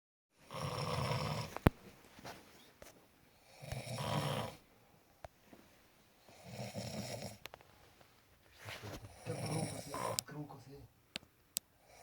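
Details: Loud, rumbling snores about every three seconds, roughly 20 breaths per minute, with scattered clicks and room noise; called the best snorer.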